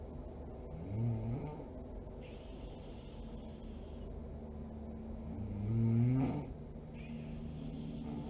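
Low, vibrating snores about every five seconds, around 12 a minute, over a steady background hum: snoring.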